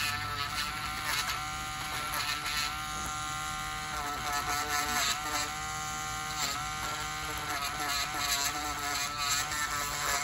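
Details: Steady high-pitched electric whine with slight pitch dips as a podiatry rotary burr grinds thickened toenails of a man on dialysis about a year with suspected severe fungal infection; podiatric nail drill.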